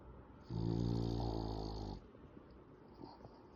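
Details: French bulldog asleep with eyes half open, snoring: one long, loud, buzzing snore of about a second and a half, then quiet breathing.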